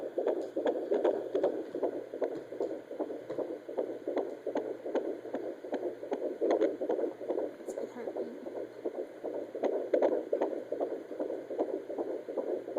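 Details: Fetal heartbeat on a fetal Doppler at 18 weeks of pregnancy: a rapid whooshing pulse, about 150 beats a minute, with hissing and a shifting signal as the baby moves and the probe is repositioned.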